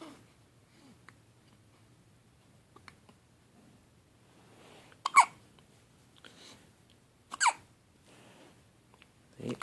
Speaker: 1 week old today. Yay! I have hiccups, but doesn't bother me.